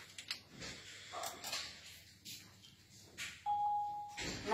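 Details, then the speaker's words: Saver One automatic external defibrillator (AED) switched on with its on-off button: a short steady electronic start-up beep over faint room noise and clicks, before voice prompts for electrode placement. "Ми його вмикаємо, кнопка on-off, є дві кнопки."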